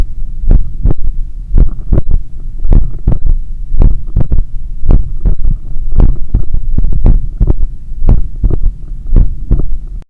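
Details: Adult's own heart recorded with stethoscope at the point of maximum impulse (apex) after an 8 km run: loud, low beats about 55 a minute, each a cluster of two or three thumps, a third heart sound (S3).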